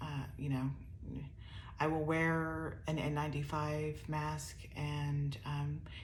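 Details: Adult woman with upper motor neuron dominant ALS (C9orf72 mutation, some lower motor neuron signs) who reports voice problems and a naturally soft voice that weakens further with prolonged talking; ALS-related dysarthria with voice weakness.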